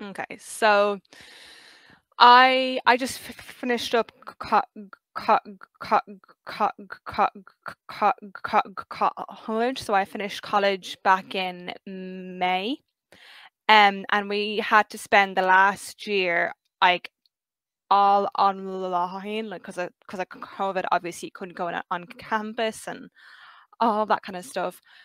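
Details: 23-year-old who has stuttered since about age five; stuttering.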